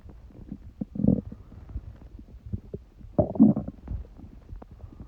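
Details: Stomach noises (bowel sounds) of a person who has a cold.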